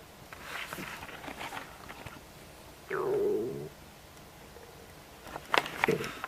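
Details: Adult just after eating a snack of ribs: a low gurgling stomach growl lasting under a second, with faint bubbling before and after; ordinary stomach rumbling after a meal.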